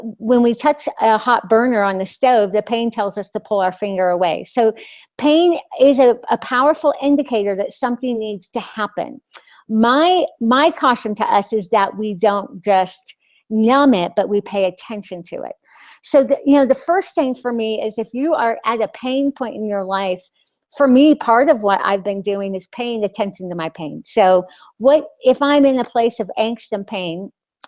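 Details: Adult woman with a lisp after glossectomy (loss of her tongue); she says the lisp is very obvious to herself and others.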